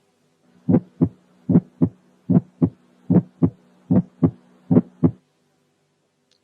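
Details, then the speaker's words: Ejection click, heard at the apex: regular heart sounds about 75/min with a sharp click just after S1. "الفيرست ساوند مش لب بس، لا ده درك، يعني بعديه في الكليك."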